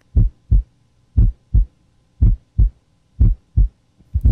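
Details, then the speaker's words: Regular paired lub-dub heart sounds at about 60 beats a minute, normal S1 and S2 heard with a stethoscope diaphragm over the PMI at the apex, fifth intercostal space, left midclavicular line, while assessing apical pulse. "you can hear s1 and s2 with regularity"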